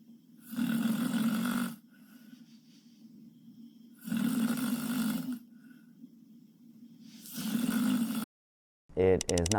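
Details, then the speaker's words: Three loud, harsh, rumbling snores on the in-breath with quieter breathing between, ending in a brief burst of music; heavy snoring from a Korean woman sleeping on her back, suspected sleep apnea, possibly enlarged tonsils. "this Korean lady seriously needs to get her tonsils removed because she's snoring like she has a [Music] cold she woke her dog up now this is why you should never sleep on your back"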